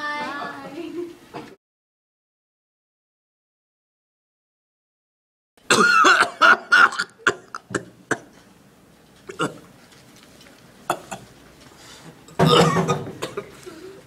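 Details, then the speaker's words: Simulated cough in an acted pharmacy role-play: the patient has been sick over a week, coughing and unable to sleep; a run of short coughs and throat clears, then a louder chesty burst. "Sorry. I have a really bad cough and stuff just keeps coming out. It sounds like it."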